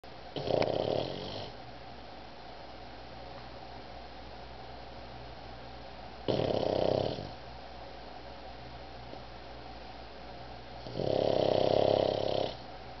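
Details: Pug named Otis snoring while asleep: three loud, rattling snores over about 13 seconds, roughly 14 breaths a minute, with quiet room noise between.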